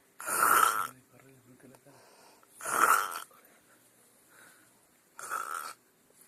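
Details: Person snoring during sleep: three loud, harsh breathing bursts a few seconds apart, with quieter rattly breaths between them.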